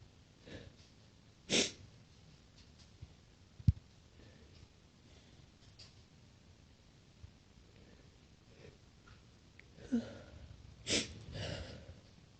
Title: more chhinkni sneezes